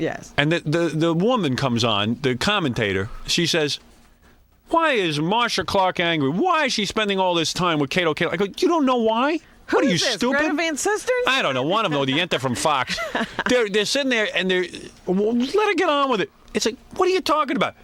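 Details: Adult men in radio talk; ordinary conversational speech.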